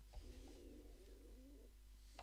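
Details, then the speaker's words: Adult's stomach rumbling picked up by a microphone during a live stream: a low, wavering, drawn-out grumble lasting over a second against quiet room noise; ordinary borborygmi. "my tummy can you imagine me rumbling did you hear that did you hear that in the microphone my tummy grumbling"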